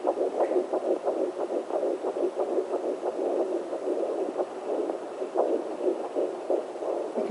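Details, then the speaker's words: Fetal heartbeat on a home Sonotech Pro fetal Doppler, probe low on the abdomen below the belly button: rapid, soft fetal thumps partly masked by a steady whooshing placental sound. "hear both the sensei and the baby in the background. He's hiding under it."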